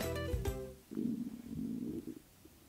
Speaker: y'all hear that? That was my stomach.